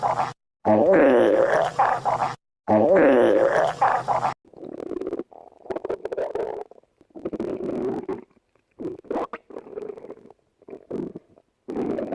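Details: Stomach growling: bubbling, gurgling rumbles from the belly in several bursts with short gaps between.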